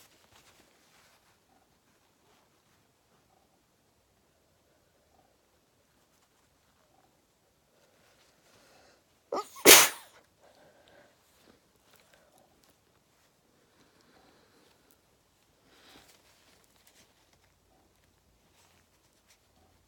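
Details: Person stifling a sneeze: near silence broken by one sharp, muffled burst, with a faint second puff later; stifled sneeze.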